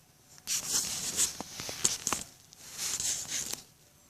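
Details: Siamese-Himalayan cat with a vet-diagnosed enlarged heart lying against the sternum, heart working overtime on stethoscope; two bouts of quick, hissy, sneeze-like puffs with faint wheezy breathing between, a cardiomegaly cough.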